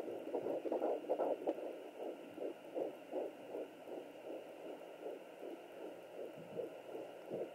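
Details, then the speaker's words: Fetal heartbeat at 12 weeks of pregnancy on a Sonoline B 3 MHz home fetal Doppler: rapid, regular galloping whooshes about 150–160 a minute, faster than and not swishing like the mother's, which briefly takes over. "There's the baby's heartbeat. Hear how it's much like faster. It's not swishing. That's the baby."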